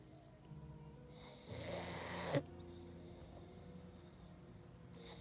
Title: Best snoring sounds ever